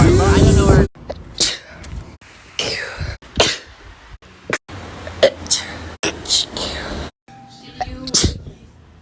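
Several short explosive bursts with quiet gaps, fitting a run of repeated sneezes, with some background noise.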